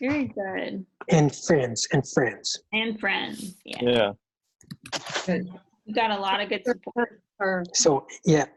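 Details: Adult speaker; normal speech.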